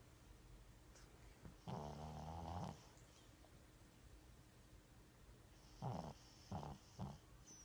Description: This is our sweet, toothless, 14 year old chihuahua snoring in his sleep.